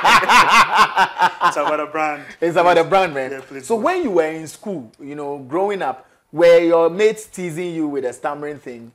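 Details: Adult male speaker; normal fluent speech.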